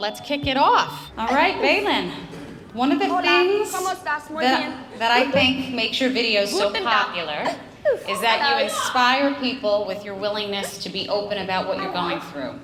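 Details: Adult woman speaking into a microphone; normal fluent speech.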